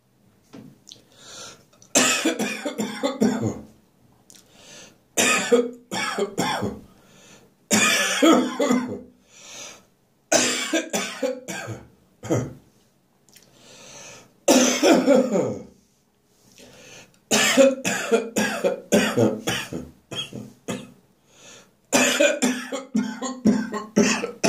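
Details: Persistent harsh winter morning cough that refuses to go away: repeated harsh, rough adult coughs in clusters with throat clearing between bouts.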